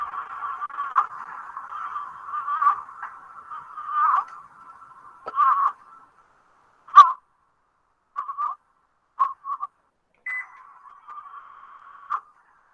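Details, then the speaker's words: A newborn, shown in a neonatal nursing class, makes short, repeated high-pitched moaning sounds, about 40 a minute, with a faint steady tone behind them. Chest retractions and xiphoid retraction are also seen; expiratory grunting of respiratory distress. "Pudieron observar el tiraje, pudieron observar la retracción sifoidea, el quejido. ¿Escucharon el quejido de ese bebé?"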